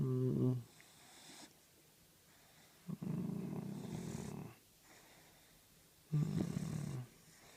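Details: Sleeping dog snoring: steady, rumbling snores on each breath, about 20 a minute, with silence between breaths.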